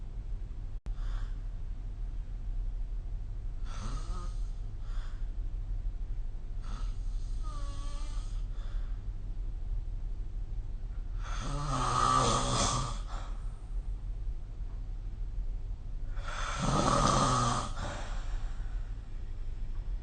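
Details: Snoring during sleep: rough, fluttering snores, the last two louder, over a steady low room hum.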